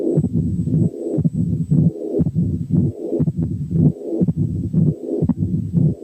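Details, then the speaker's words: Mixed mitral valve disease, mitral stenosis with regurgitation: accentuated first sound, pansystolic murmur, second sound, opening snap, then mid-diastolic murmur, at about 60 beats a minute, with murmurs filling systole and diastole. "كان في accentuated first sound ثم pansystolic murmur ثم second sound ثم opening snap ثم mid diastolic murmur."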